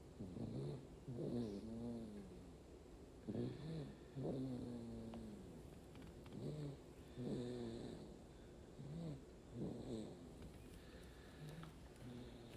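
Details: Sleeping baby snoring steadily: soft, regular, low rattling snores at about 20 breaths a minute over quiet room noise.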